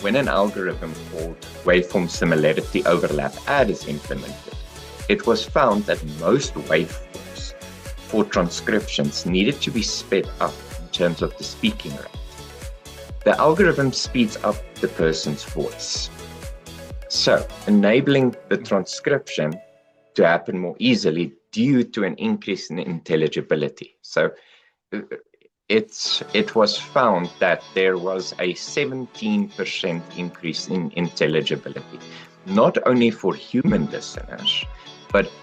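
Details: Adult narrator with background music; ordinary speech.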